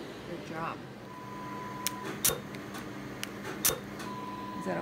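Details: Dermatology laser removing small moles from a patient's back, neck and arm: steady tone from the device with sharp snapping pulses as the laser fires.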